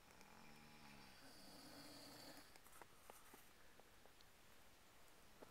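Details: Several overlapping snores in a quiet room, one low and droning, others rougher with clicking sounds; three people snoring at the same time.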